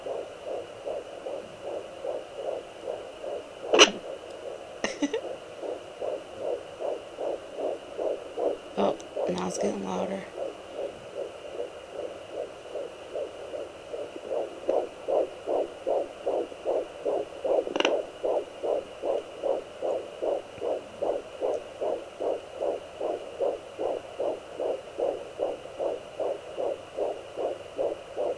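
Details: Home fetal Doppler at 13 weeks 5 days of pregnancy, a daily check: rapid, regular whooshing fetal heartbeat at about 150 a minute, with the baby moving and kicking.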